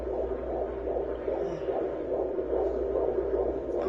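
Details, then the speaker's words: Teen mother's fetal heartbeat on handheld Doppler at a doctor's visit, strong, rapid whooshing pulsing about 140 a minute, found further along than thought; fetal heartbeat on Doppler. "god all right so as you can tell from the video you heard my mom she was like oh my god it's a heartbeat"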